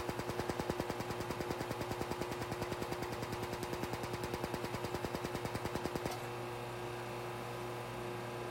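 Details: Rapid regular ticking pulses, about 200 a minute for six seconds then stopping, over a steady hum: a Laser Genesis skin laser firing during treatment under the eyes of a goggled client.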